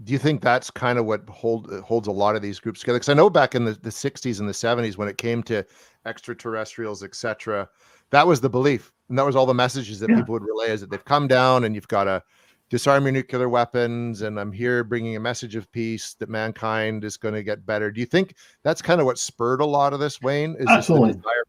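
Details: Adult man; normal speech.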